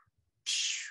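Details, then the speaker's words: Vocal imitation by a clinician of a woman's right-sided, pulse-synchronous, high-pitched whooshing pulsatile tinnitus: a single brief high-pitched hissing whoosh, a sound type linked to arterial causes. "she is right-sided pulsynchronous pulse little tennis she describes it as a high-pitched kind of whooshing so we describe we we talk about this with our patients we have them sing it to us"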